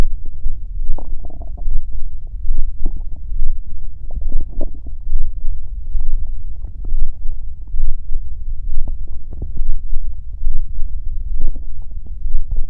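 Deep, continuous low rumbling and gurgling with irregular surges; ordinary stomach growling.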